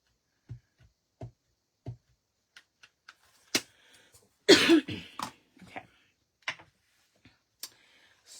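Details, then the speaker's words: A few soft throat clears, then one louder dry cough with a brief throat clear in a quiet room, during a live craft stream; the adult speaker hopes it is a mild allergy cough and says she has had worse. "This cough is going to be the end of me, y'all. Actually, it's not bad. I've had worse coughs as many of you know."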